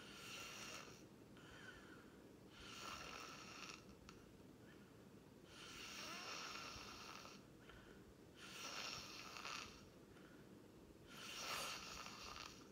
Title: #9 Watch me sleep😪tight again;😴Loud THICC Snoring💤 rem Lucid ASMR Whitenoise